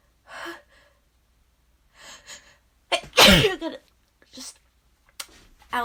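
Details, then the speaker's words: Allergy sneezing fit with nose-blowing: several gasping in-breaths build to one loud forceful sneeze, then quieter breaths. "oh gosh oh still got more it's ugh i have to sneeze huh oh excuse me every time i blow my nose i have to sneeze again"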